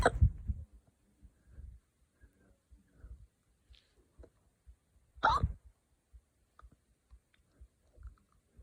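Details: Two sudden, sharp hiccups a few seconds apart with faint breathing between, from an adult who drank wine too fast.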